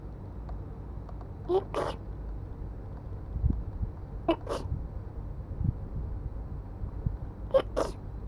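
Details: Three deliberate adult sneezes, each answered by a brief meow from a black cat.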